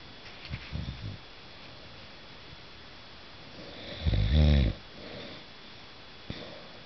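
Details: Low, rattling snores over room hiss, with one stronger snore in the middle; snoring recorded December 2008.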